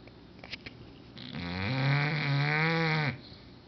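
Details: English bulldog snoring very loudly: a loud, drawn-out vibrating breath with a buzzing, honking tone; heavy snoring in a flat-faced dog.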